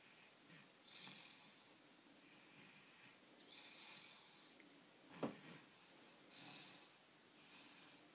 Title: When you're this beautiful you can snore all you like :)